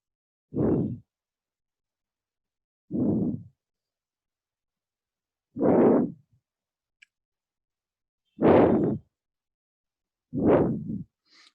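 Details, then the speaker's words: Repeated rough, bubbling crackles (crepitations) used as a diagnostic sign in a paediatrics lecture on acute bronchiolitis and bronchial asthma; crackles. "তো দেখেন, বুদবুদের শব্দ।"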